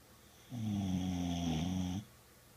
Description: Boxer dog is taking a peaceful afternoon nap.